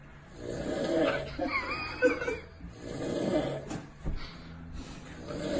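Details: Adult man snoring while asleep as his friends prank him: loud, rough, rattling snores in long noisy bursts with brief quiet gaps, the first with a whistling edge; ordinary heavy snoring.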